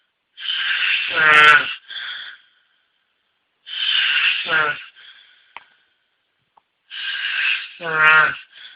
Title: Snoring Man